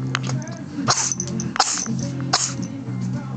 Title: snowball sneezing